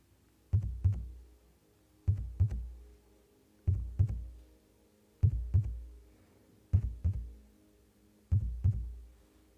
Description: There is no talking on this video just heartbeat sounds.